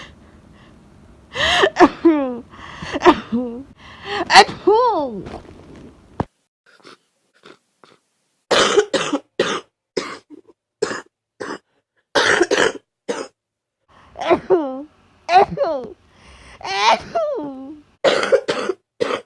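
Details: Patient who tested positive for influenza A after an ER visit, with high fever, body aches, runny nose and congested coughing. Repeated short, harsh coughs and throat clearing in clusters, some hoarse and voiced.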